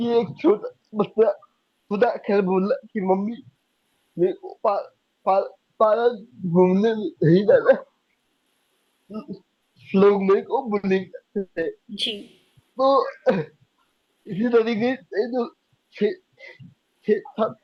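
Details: Young adult man with cerebral palsy diagnosed at age 2, unable to speak as a child and still needing double effort to speak clearly; dysarthria (cerebral palsy).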